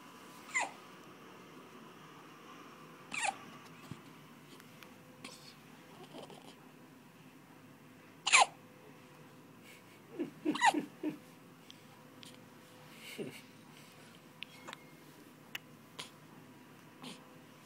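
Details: Person with persistent hiccups that still won't stop, possibly shaking the whole body: sharp, abrupt little catches at irregular intervals, about 26 a minute, over quiet room noise.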